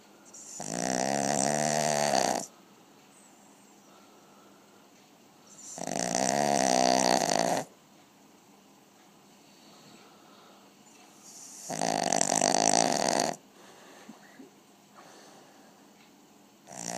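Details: Small 5 kg puppy snoring during cuddle time: loud, rattling snores on each breath in, about 11 a minute, with quiet pauses between; snoring.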